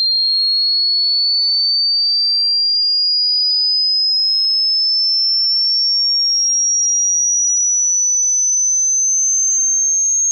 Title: Hearing Frequency Test | How Old Are Your Ears?